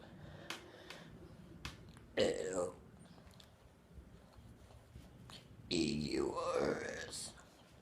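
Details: Person deliberately burping; two loud, drawn-out throaty burps in a quiet room with faint clicks between; voluntary belching.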